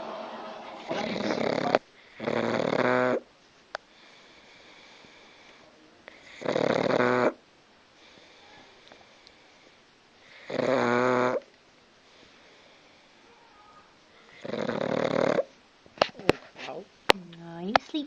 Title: my pug sid snoring